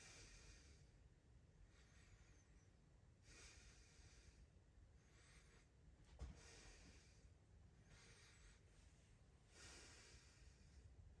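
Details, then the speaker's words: Adult patient taking deep breaths during a respiratory exam, stethoscope over the anterior chest: soft, airy rushes with no wheezes, crackles or rhonchi; clear, normal breath sounds anteriorly; thoracic configuration symmetrical. "so uh with the anterior chest I don't hear any advantageous breast sounds I don't hear any wheezing any crackles any Rai uh his lung sounds are clear in the anterior chest"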